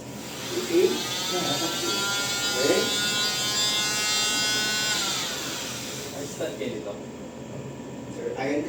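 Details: Steady high buzzing whine of an oscillating cast saw cutting through a cast during removal one month after a wrist fracture, with talk behind it; staff say the saw does not cut skin.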